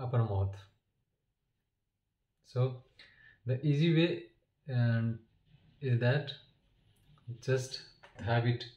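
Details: Adult man who stammers, with long pauses and blocks between words that he attributes to not exhaling on time and to his lips or tongue sticking; stuttering.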